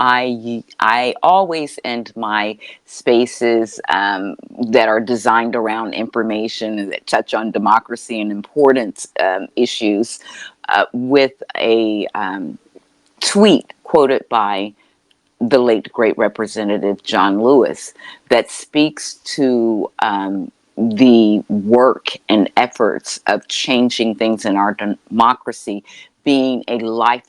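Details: Adult male speaker; typical speech.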